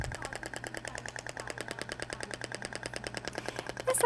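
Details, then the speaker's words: Shockwave therapy handpiece applied statically (2000 shots) to a gel-covered area at frequency 10 Hz, with a distinct sound at this lower frequency: a fast, even train of sharp clicking pulses, about ten a second; shockwave therapy device firing. "Ah então a frequência de 10 consequência menor então o barulho é um pouco distinto do outro tá eu faço estático"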